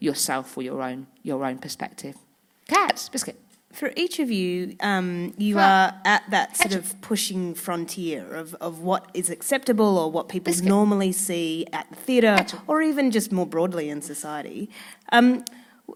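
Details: Woman with Tourette syndrome whose vocal tics, mainly "biscuit" and "hedgehog", interject her speech; several times daily tics intensify to seizure-like loss of body and speech control; vocal tics (Tourette syndrome).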